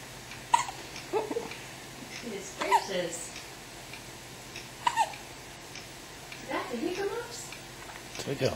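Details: Baby upset by hiccups: short, sharp gulping sounds about every two seconds in a quiet room, getting louder; infant hiccups.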